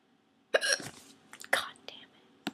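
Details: Hiccups: several abrupt, short voiced gulps about a second apart with soft breathy sounds between.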